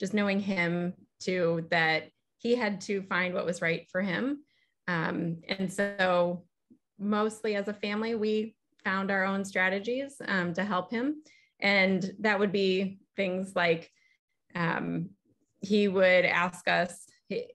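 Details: Adult woman speaking; normal speech.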